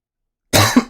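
One short, sharp cough after silence.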